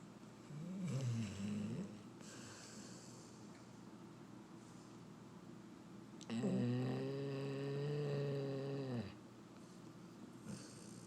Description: #shorts Vernon watching Brewster Snore. Black and Tan Lab. #dog